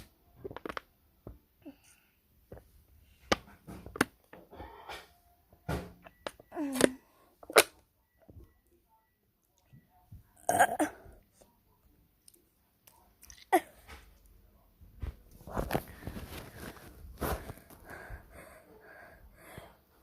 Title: breaking news:kid eats taki coughs and then absolutely downs chocolate milk